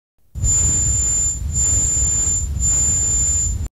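A steady, piercing high-pitched whistle holds throughout over a loud rushing, rumbling noise bed; a simulation of tinnitus heard as a high-pitched squeal.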